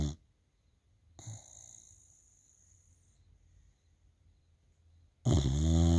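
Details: Loud, rattling snore from a female bulldog, building at the end after a quieter, softer breath; deep low vibration typical of snoring.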